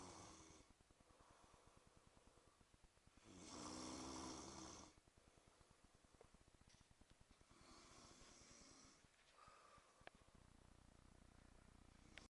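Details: Brother snoring in sleep, heard every night on holiday and recorded by his father: loud, rattling snores with each in-breath, roughly every four to five seconds.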